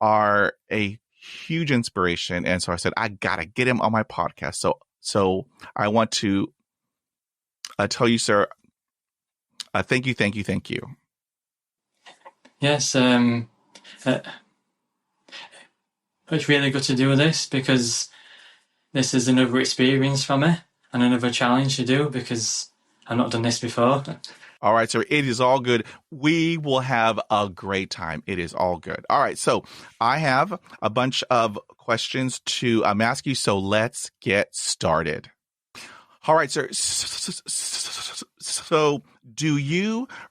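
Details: 27-year-old UK man with a lifelong stammer (stuttering) involving blocks, speech therapy in childhood, improved as his confidence grew; real adult stammering.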